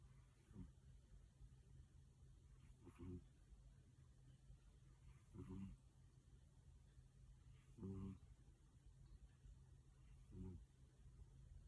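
Regular low rattling snores on each breath in, about 24 a minute, over steady room hum.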